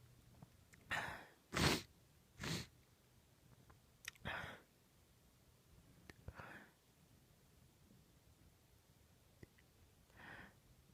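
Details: Female person giving a series of loud, explosive, powerful uncovered sneezes, with softer breaths and sniffs between them: repeated sneezing.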